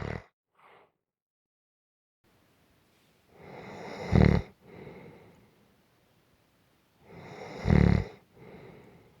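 Low rattling snores on the in-breath with softer out-breaths, about two cycles in nine seconds; ordinary snoring.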